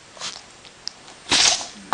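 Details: A Chihuahua gives a soft snort then one sharp, hissing sneeze burst: sneeze.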